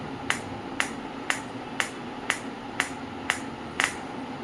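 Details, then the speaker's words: Sharp, evenly spaced clicks about two per second from a Biotronix PEMT loop pulsed electromagnetic field therapy machine; pulse rate varies with selected frequency. "Now I will switch the same to 6 hertz. You can see the variation, you can hear the variation."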